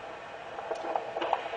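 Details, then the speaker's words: Fetal heartbeat on Doppler over the pregnant abdomen after applying gel; fetal heart sounds. "it's a once you get the heartbeat on the monitor um certainly you can look and see what it says but it's also nice to count it"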